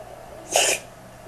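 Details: Dog sneeze, recorded in slow motion: a single short, hissing burst of air over steady background hiss.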